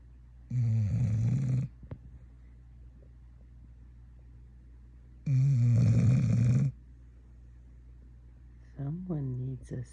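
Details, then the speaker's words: Dog named Yuki snoring while asleep: two long, loud rattling snores several seconds apart, then a shorter snort-like sound; owner wonders if she needs a CPAP or sleep study. "Does Yuki need a CPAP? Maybe so. We need to schedule a sleep study for this little girl."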